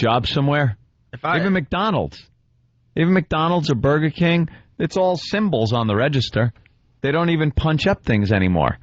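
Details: Adult man; ordinary speech.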